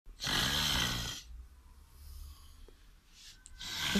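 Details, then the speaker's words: Husband's snoring, recorded by his wife over 4 years and edited into a musical remix of Despacito; snoring. "filmando a mi marido cada vez que roncaba por 4 años mezclándolo de una forma especial con la ayuda de mi sobrino salió esto espero lo disfrute"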